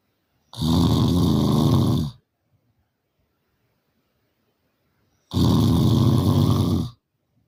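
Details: Sleeper snoring very loudly: two long, rattling low snores on inbreaths, about five seconds apart with silence between, roughly twelve breaths a minute; loud snoring.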